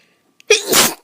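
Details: A person feeling run down and unwell, with some coughing, gives a single sudden, high-pitched sneeze with a sharp onset and a hissing burst of air; sneeze.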